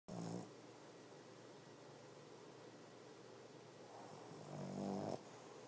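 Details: Female Boston Terrier napping: two loud, buzzing snores about four and a half seconds apart, quiet room noise between; loud snoring.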